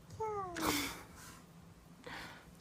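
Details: Sneeze from a sneeze compilation: a high, squeaky voiced sneeze with a falling pitch and a sharp burst of air, sounding like a cat's mew.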